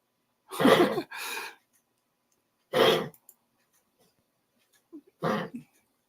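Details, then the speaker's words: Female dog with recurring cough, owner suspects possible pneumonia; treated with antibiotics, aspirin and cough syrup, good appetite, no diarrhea, sleeping a lot; three short, harsh, forceful coughing bursts, the first a double hack, in a quiet room. "it's just the coughing and stuff but if it is like pneumonia or something that would cause it"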